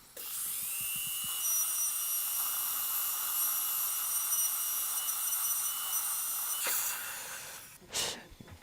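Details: Dental drill whining steadily for about seven seconds, then stopping, during restoration of an upper central incisor with a fractured root, with implant placement, abutment and temporary crown.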